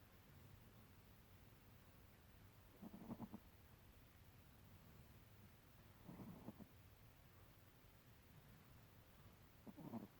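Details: Sleeping Chihuahua snoring: soft, low snores about every three seconds, roughly 18 breaths a minute, over quiet room noise.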